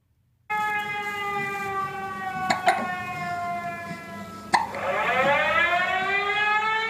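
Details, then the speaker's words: Six-week-old boy with about three short, sharp hiccups, ordinary infant hiccups, heard under a loud rising-and-falling air raid siren outside during the war in Ukraine. "has the hiccups, and you hear the air sirens happening outside."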